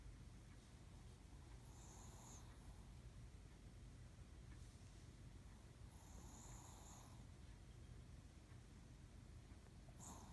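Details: Faint, soft snoring from a sleeping Chihuahua, a gentle snore about every four seconds; dog snoring.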